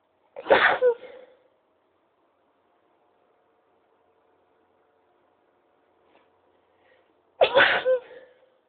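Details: Sneeze attack: two sharp, high-pitched sneezes about seven seconds apart, with quiet room noise between them; sneezing.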